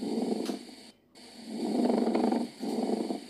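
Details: Sample lung sound for auscultation teaching: coarse, grating, creaking sounds on both inspiration and expiration, heard laterally or basally: pleural friction rub from inflamed pleura rubbing together.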